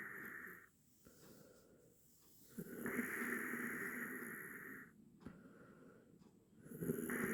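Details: Drawn-out, whistling, high-pitched snoring breaths with a faint low rattle over soft background music; from an 8-minute snoring sound-effect recording.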